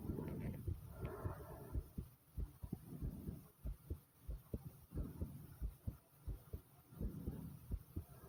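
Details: Own heart pounding fast: strong heartbeat thumps at about 90 a minute, with gurgling stomach (bowel) sounds rising and fading between them.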